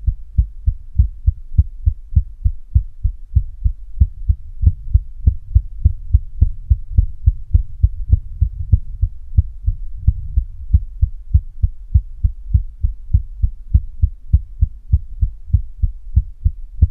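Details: Heartbeat of a female with a visibly throbbing neck pulse: steady, regular, strong low thumps with no extra sounds; an ordinary heartbeat.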